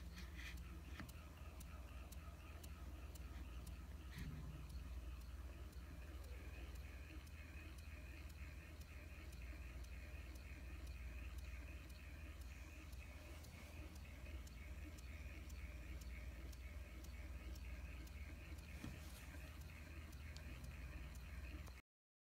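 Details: Mouse ventilator (MiniVent Type 845) operating: rapid, regular mechanical ticking cycling about three times a second over a steady low hum.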